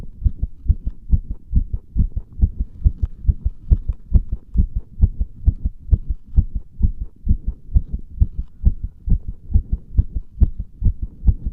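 Loud, fast, regular heartbeat at about 136 beats a minute, picked up with pressure on the chest.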